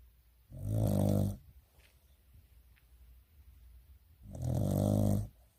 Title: 코고는 멍 멍 이 a snoring dog